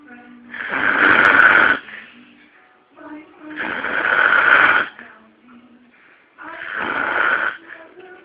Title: Snoring hubby.